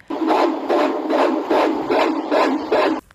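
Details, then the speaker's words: Fetal heartbeat on Doppler during a 22-week anomaly ultrasound, heard as the probe enters the chest: rhythmic whooshing pulses, about 150 beats a minute, regular and normal. "Chest में enter होते ही हमें नजर आता है heart और फिर हम सुनते हैं बच्चे की हार्ट"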